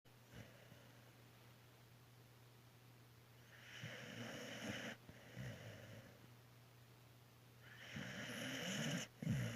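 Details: Dog (tagged as puppy) snoring: rough, rattling snores on the in-breaths, a few seconds apart, over quiet room noise.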